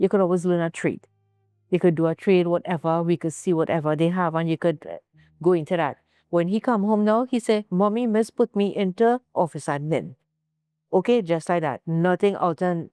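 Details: Adult woman speaking; Normal speech.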